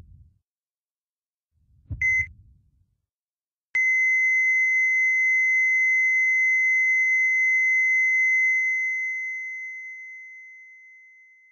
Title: Stock Video Footage EKG heart monitor goes flatline HD PAL 18 01 2011, 19 54